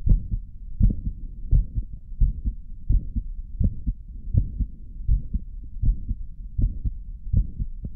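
Steady low paired heart thumps at about 80 beats a minute over a muffled background rumble; regular heartbeat after caffeine.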